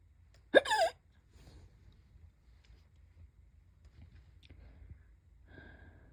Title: hic hiccups😛